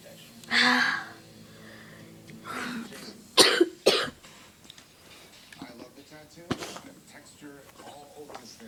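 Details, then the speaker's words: Coughing fit in a small room: a harsh cough burst, a throat clear and two sharp coughs, then quieter throat noises from someone who says they can't stop coughing and needs water. "well I can't stop coughing some water"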